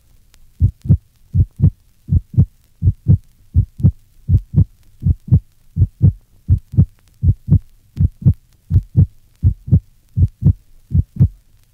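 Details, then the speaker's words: Primary pulmonary hypertension in a 1965 teaching recording: regular heart sounds near 80/min with a loud, single second sound (loud P2). "loud pulmonic valve closure P2 is noted in patients with primary and secondary pulmonary hypertension listen to the loud single second heart sound in a patient with primary pulmonary hypertension"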